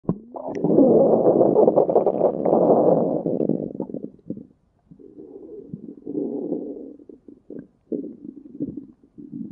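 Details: Stomach growling (borborygmi): a long, low, rumbling gurgle fading into softer bubbling rumbles from moving gut contents.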